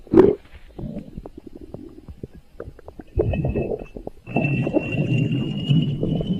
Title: A Stomach Growling Chaos